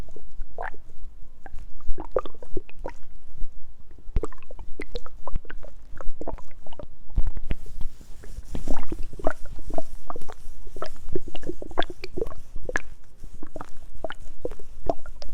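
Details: Continuous low gurgles, bubbling rumbles and watery sloshing of stomach growling from hunger, presented as ASMR; borborygmi, a normal bowel sound.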